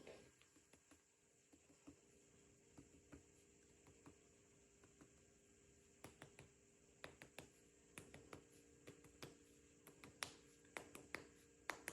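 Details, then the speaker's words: Sharp finger taps percussing the abdomen from the patient's left side in an upward motion during a head-to-toe nursing assessment, giving hollow, drum-like tympany, a normal percussion finding. "and we'll do that and throughout this entire process you should hear timpani"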